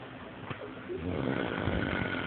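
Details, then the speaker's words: Snoring from a sleeping adult man, irritating to sleep beside: rough, rumbling snore on the in-breath, building in loudness. "es irritante dormir al lado de este"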